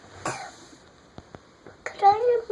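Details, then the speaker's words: A child's winter cough, ongoing for a while: a short, sharp cough, then after a brief pause a second cough running into a voiced sound, in a quiet indoor room. "why do you need a vitamin still col cuz why still cuz you're still coughing yeah oh and vitamins make you better"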